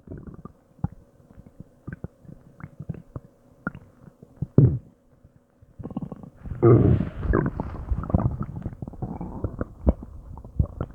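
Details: Long low gurgling, rumbling and groaning stomach and intestinal noises with bubbly bursts while digesting an unknown meal, ongoing for a long time; ordinary bowel sounds (borborygmi).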